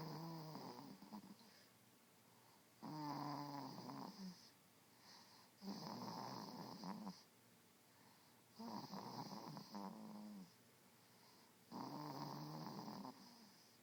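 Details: Dog snoring: loud, rattling snores about every three seconds, roughly 20 breaths a minute, with quiet pauses between.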